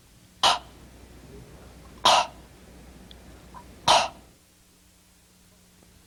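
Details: Pharyngeal stop (tongue base against posterior pharyngeal wall), a compensatory cleft palate articulation substituted for k and g.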